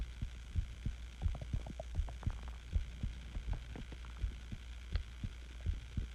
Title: My Heartbeat Sounds While Being Sick With The Flu Hugs To You